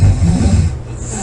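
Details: Loud snoring during sleep: a brief, loud, low rumbling breath sound, one snore fragment.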